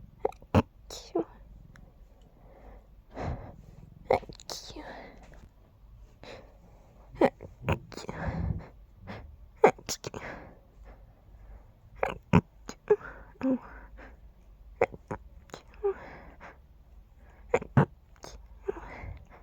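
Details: Quiet, stifled sneezes: a run of short, muffled, suppressed sneezes in a quiet room; stifled sneezing.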